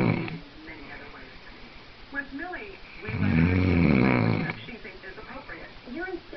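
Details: Adult man (boyfriend) snoring loudly: a loud, low, rough rattling breath sound standing out between quieter sounds, consistent with snoring.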